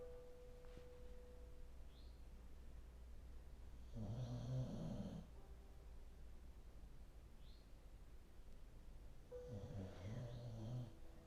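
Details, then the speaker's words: Remy, a senior dog turning 14 this year, snoring on his mat during a yin yoga class: two slow, low rumbling snores about five seconds apart over quiet room noise. "Remy is going to be 14 this year. He has a little mat set up in this room that you can't see on camera, but some of you might be hearing him snoring."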